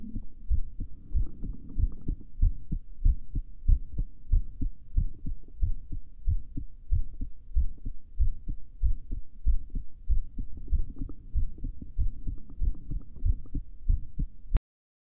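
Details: Female at rest before sleeping: steady, regular heartbeat of about 95 beats per minute, heard as soft low thumps; heartbeat.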